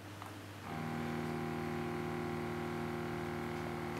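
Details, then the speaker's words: Steady electric pump hum as a Meditech ABPM-05 ambulatory blood pressure monitor, cuffed on the non-dominant upper arm, inflates the cuff for an initial manual measurement before measuring during stepwise deflation. "after pumping up the device will measure the blood pressure with when releasing the pressure stepwise"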